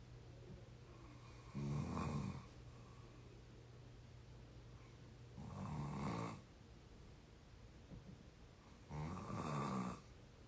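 Three deep rattling snores about every 3.5 seconds, roughly 17 a minute, over a steady low room hum; ordinary snoring.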